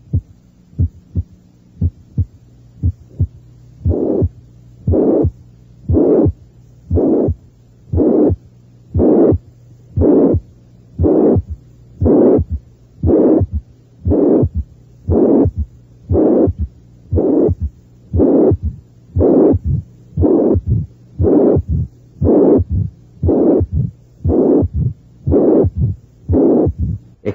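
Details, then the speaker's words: Severe mitral regurgitation built component by component: faint first and second sounds, loud high-pitched slightly harsh systolic murmur, third heart sound and short mid-diastolic murmur, near 59 a minute. "hay un soplo los históricos intensos de tono alto pero que es un poco áspero también hay un tercer ruido cardíaco y un corto soplo mes o diastólico estos son los hallazgos ausculta torios de una insuficiencia mitral grave"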